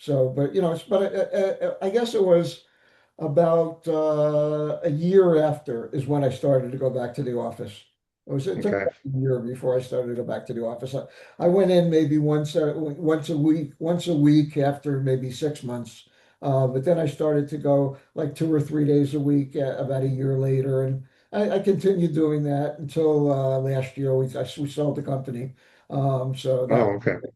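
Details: Adult male with aphasia since an ischemic stroke eight years ago, affecting speaking, reading and writing, still in weekly speech therapy; aphasia.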